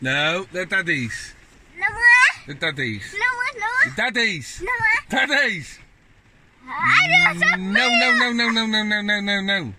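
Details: Autistic child, one of twins, whose father describes constant echolalia; the child repeats a phrase over and over; echolalia.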